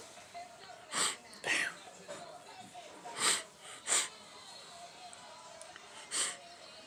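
Several short, sharp bursts of breath over quiet room noise, fitting repeated sneezes.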